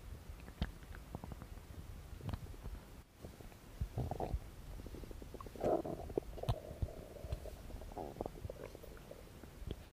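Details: Belly noises recorded as no-talking ASMR: soft gurgles and rumbling with short higher squeaks; ordinary bowel sounds of a growling stomach.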